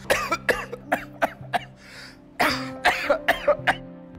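Two fits of short, harsh, repeated coughing, about eleven bursts in all, acted for an advertisement over background music. Acted cough.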